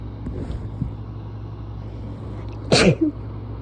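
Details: Strong sneeze that was followed by a bloody nose: one forceful, explosive sneeze with a short trailing burst, over a steady low engine-like rumble.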